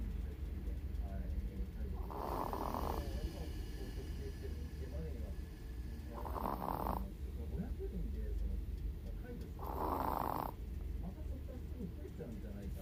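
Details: 16-year-old Chihuahua in deep daytime nap, with cataracts and poor hearing: three rough, rattling snores about four seconds apart, roughly 15 a minute, over low room hum; snoring.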